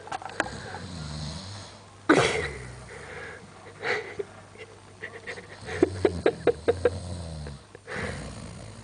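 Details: Adult man asleep with his eyes wide open, making rough, rattling breathing noises with a burst of snorting; loud snoring.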